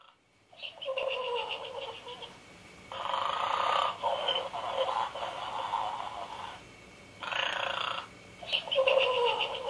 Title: Arnold the Snoring Pig